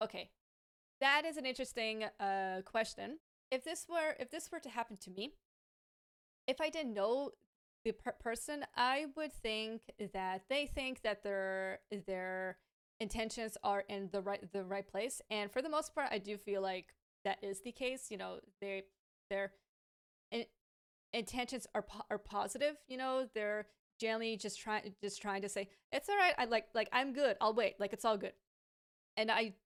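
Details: Adult woman with a lifelong stammer, which she says worsens with pressure, anxiety and being rushed; stuttering.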